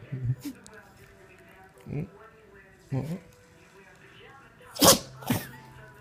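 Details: Dog sneezing repeatedly; owner mentions allergies. Several short, sharp nasal honking bursts, the two loudest near the end, with quiet room sound between.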